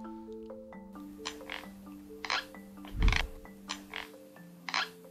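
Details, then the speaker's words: Teeth grinding (sleep bruxism), the nighttime jaw movement during light, restless sleep: short rasping scrapes repeating about once a second over soft music. "Just like some people move their arms and legs while sleeping... ...you can also move your lower jaw at night. You recognize teeth grinding by this sound."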